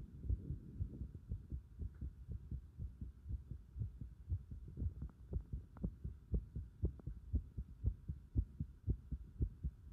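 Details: Heart sounds recorded with visible pulsation at the pit of the stomach (epigastrium): steady, rapid, regular low thumps at about 118 a minute with a faint steady hum behind.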